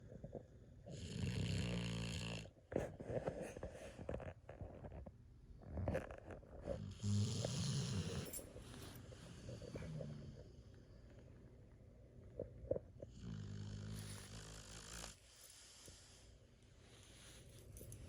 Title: The pitbull snores like a human**pit bull* american bully** zeus